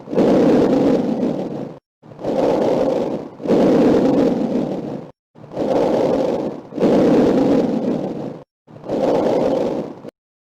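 Soft, even rushing breath noise in regular in-and-out cycles, about 18 breaths a minute, with no wheeze or crackles: normal lung sounds.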